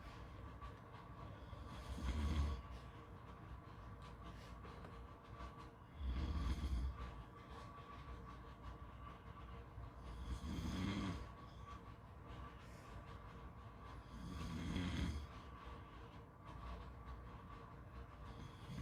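Four rough, low snores about four seconds apart, roughly 14 a minute, over steady background noise; typical snoring.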